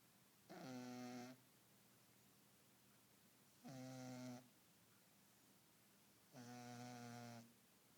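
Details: Snoring during sleep while dreaming and twitching: three loud, buzzing, tonal snores about three seconds apart, roughly 20 a minute.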